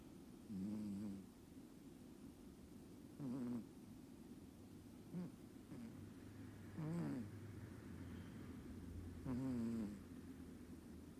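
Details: A cat snoring softly, described as quieter snoring than an American Shorthair's, in a multi-cat household.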